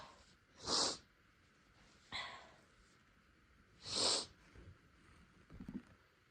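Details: Induced sneezing fit in a person without allergies whose nose seemed sensitive after spicy food: two sharp, hissing sneezes a few seconds apart, sniff between, soft breathing after.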